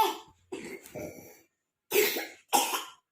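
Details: Five short coughs in quick bursts with brief pauses, from a young girl who has a cough and is being prepared for steam inhalation.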